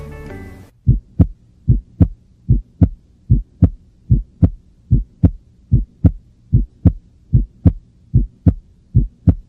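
Regular heartbeat at about 74 a minute with clear first and second sounds; the second sound splits on breathing in, a normal physiological split.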